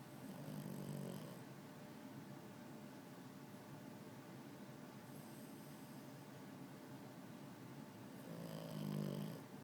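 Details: Puppy snoring while sleeping with his eyes open: low, rumbling snores on inhalation, about three in ten seconds, over steady room noise.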